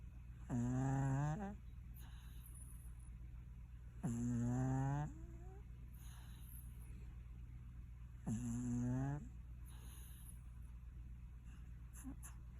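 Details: Sleeping pet cat snoring: three drawn-out, buzzing, slightly whiny inhalations with a steady background hum between them.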